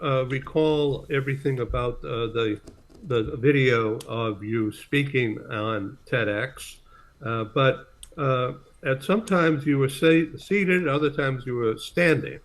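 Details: Adult man speaking; Normal speech.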